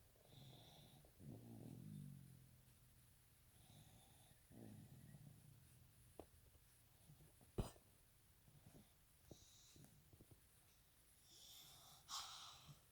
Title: 12.15.20 baby snores